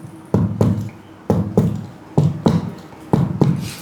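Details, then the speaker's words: Percussion along the left sternal border from the 2nd intercostal space downward to find the upper heart border, in a teaching demonstration: paired dull taps about once a second, note staying much the same; in real patients resonant-to-dull change marks it. "Ini bunyinya hampir sama ya. Tapi jika di pasien betulan akan terdengar ee batas antara sonor dan redup, maka itu adalah ee batas dari atas jantung ya."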